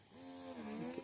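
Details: Wearable electric breast pump running with adjustable speed (levels up to nine): a steady electric motor hum that rises and then shifts slightly in pitch.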